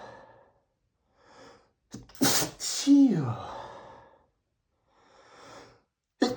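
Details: Male sneezing from a perfume allergy after spraying perfume right under his nose: a sharp explosive sneeze with sighing breaths and snorts before and after, in a quiet room; sneezing.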